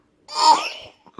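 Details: An infant with a cold gives a single short, harsh cough. He was diagnosed with bronchiolitis a couple of weeks earlier, and the current cause is unknown.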